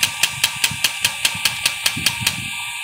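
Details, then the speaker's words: Shockwave therapy device (Ginha HL 3621) firing at frequency setting 5 against the operator's hand: sharp regular clicking pulses, about five per second, over a steady high tone, acting like percussion. "so there it is I can feel the pulse basically just like striking my hand maybe you can see and you can hear"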